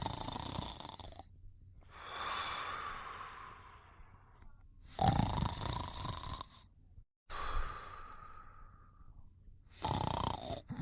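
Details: Snoring during sleep: irregular noisy breathing, some rattly and drawn-out breaths, low background hum.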